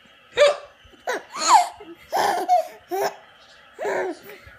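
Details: Infant's laughing squeals broken at irregular intervals by sudden, sharp voiced catches: hiccups.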